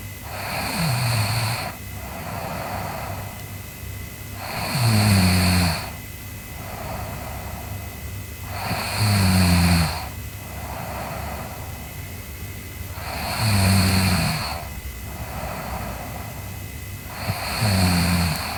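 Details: Sleeping girl snoring: loud, regular snores on each breath in, about 14 a minute, with quieter breaths out between them.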